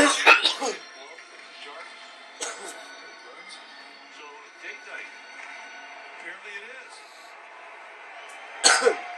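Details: Three harsh, forceful cough bursts from an adult man after inhaling a dab, separated by quieter stretches, with televised baseball commentary behind; a coughing fit.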